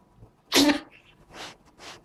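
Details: A cat sneezing many times in a row until it tires; sneezing.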